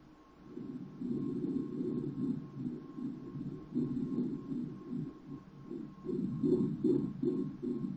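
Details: Hands-on obstetric fetal Doppler demonstration: rhythmic whooshing umbilical artery pulses at about 150 a minute with steady diastolic flow about half of systolic; normal umbilical artery signal.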